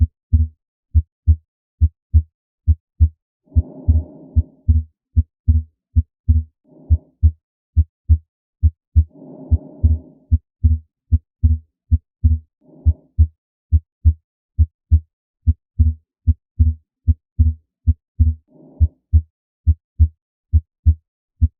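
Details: Physiologic (transient) split S2: a normal finding in which the second heart sound splits more widely on inspiration, heard as steady heart sounds with soft breath noises.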